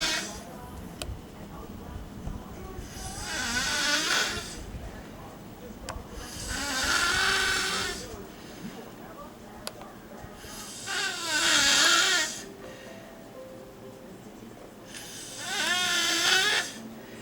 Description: You can see a dog a cat and my mom sleeping in a chair..But who is the one snoring?